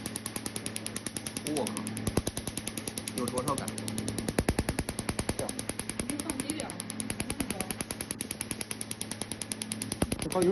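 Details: Picosecond (Nd:YAG Q-switched) laser firing during pigmentation, tattoo removal or skin brightening treatment: rapid sharp snapping pulses, about 200 a minute, over steady machine hum; patient reports heat and a burning sensation.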